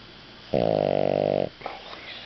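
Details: Dog snoring after eating a large meal: a single loud, buzzing snore of about one second, followed by quiet breathing.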